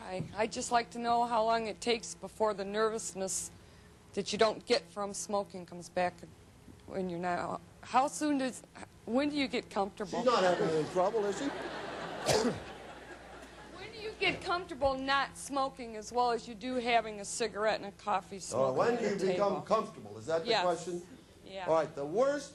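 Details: Woman whose larynx was removed, followed by radiation then chemotherapy, speaking with a battery electrolarynx held against her throat: electrolarynx speech after laryngectomy.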